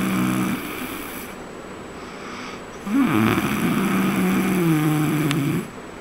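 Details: Snoring recorded on a trip to Raigad: a loud, rough, rattling snore on the in-breath and a quieter breath out between, with steady room noise behind it.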